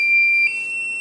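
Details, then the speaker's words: Home landline medical alert system button test: pressing the emergency help button triggers the base station console's steady, piercing electronic alarm, shifting slightly in pitch midway, before being cleared. "so we're going to activate the button by pushing the black circle emergency and now we're activating the base station"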